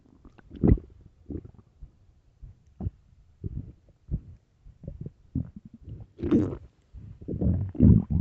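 Irregular low gurgles, rumbles and squeaky churning bursts with quiet gaps between them, louder toward the end: stomach growling (borborygmi) of an empty, hungry stomach.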